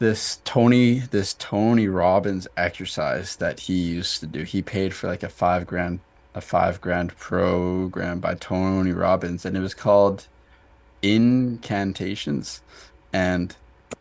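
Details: Stuttering in an adult man who stutters, in a podcast conversation.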